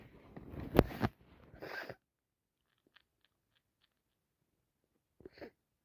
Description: allergies and bad cold makes me sneeze so much with no break #achoo #cold #snotty #sniffles #snot #commoncold #sendhelpplease #blowup #toosick #sick